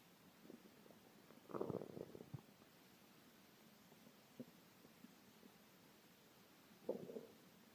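Quiet gurgling rumbles in two short bursts with soft pops between, against faint room hiss; hungry stomach growling.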